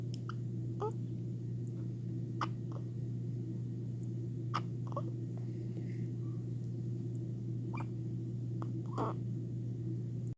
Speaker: got the hiccups. This is Cyrus. So cute.